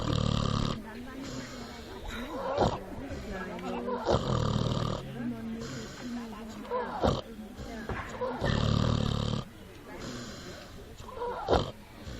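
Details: A runaway pig found asleep in the woods: loud, deep, grunting snores with rough rattling inhales at about 13 a minute, outdoors.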